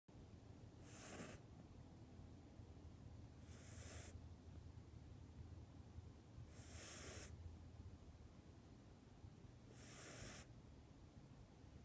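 Four soft hissing snores at slow, even intervals, about 20 a minute, over low background rumble; a sleeping cat snoring.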